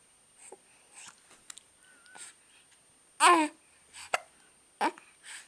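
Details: Infant hiccuping with the whole body: sharp, abrupt little voiced catches, about three clear ones in five seconds, between soft baby sounds; infant hiccups.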